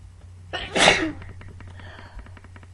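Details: Allergy attack: a quick intake of breath, then one loud, explosive sneeze in a quiet room.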